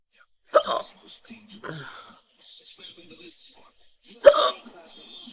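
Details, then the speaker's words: Two abrupt voiced hiccups about four seconds apart with quiet speech between; hiccups. "all right just oh I had these hiccup for about five hello hi"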